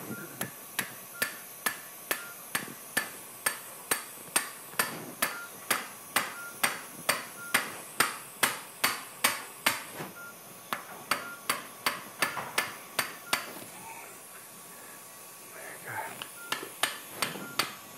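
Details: Sharp, regular metallic mallet taps, about two a second with a brief pause, impacting an allograft-filled interbody cage at L4-5 during outpatient TLIF in a 50-year-old woman with prior left L5 radiculopathy decompression.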